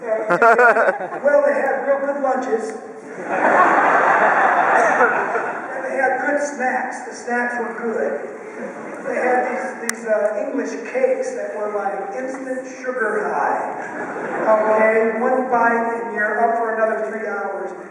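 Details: Vocal cord paralysis (rough, breathy voice) in an adult male after a childhood clothesline injury to the neck; one vocal cord is bowed and one paralyzed, with excess air escape, persisting ever since.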